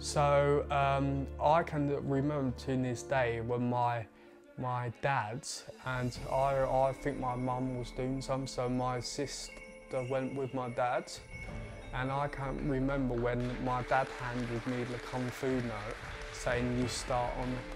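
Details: 20-year-old man with a stammer since about age eight, stumbling on the first syllable or letter of words and on his own name; stammering (stuttering)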